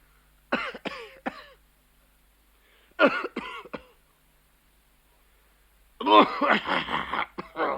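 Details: A man coughing and spitting: three bursts of harsh coughing separated by pauses, ending in a longer throaty hacking and clearing sound; a cough.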